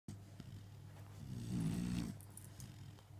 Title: snoring